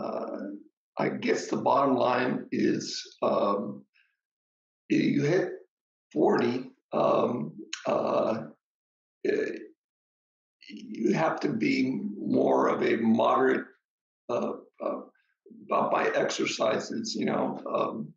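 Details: Adult man with aphasia after an ischemic stroke; the stroke was treated with TPA, which then caused a hemorrhagic stroke; he struggles to get through a sentence; aphasia.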